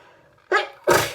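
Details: Two sharp, explosive sneezes in quick succession after a quiet intake; repeated sneezing from hay fever.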